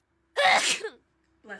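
One loud, explosive burst of air fading into a vocal tail, followed by brief voice: a single sneeze.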